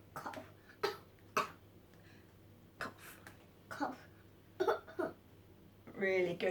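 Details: Deliberate imitated coughing demonstrating the Makaton sign for 'cough': about six short, dry cough bursts in quick groups, ending in a voiced sound; not an illness cough.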